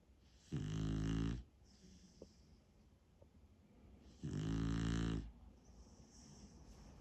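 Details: Beagle dog snoring in a home office: two loud, low rattling breaths about four seconds apart, with quiet breathing between.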